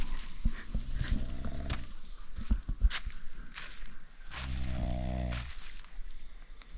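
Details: Low, rough, rattling snores in two bouts, the second a sustained buzzing snore, from a person asleep at night during an island fishing-camping trip in the Andamans, over steady outdoor insect hiss; snoring.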